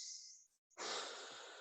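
One loud, drawn-out breath of about a second, imitating the deeper breathing people take once they start counting their own breaths.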